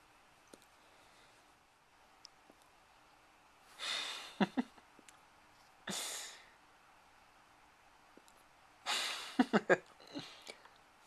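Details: Yorkie puppy with hiccups: short breathy bursts with sharp little clicks; the puppy seems upset by them.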